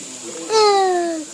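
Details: 3-year-old boy with severe childhood apraxia of speech (verbal apraxia), producing word approximations when prompted: childhood apraxia of speech.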